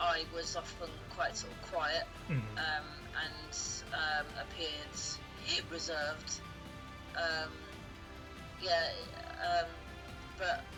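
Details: Stuttering with blocks, repetitions and many fillers in an adult woman who has stammered since childhood (onset stated as about age two or three, and also as age seven, 33 years ago).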